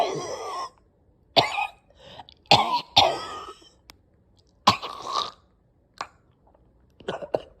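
Repeated harsh, forceful coughs with throat-clearing and strained gasps between them, a severe coughing fit with choking in a small room.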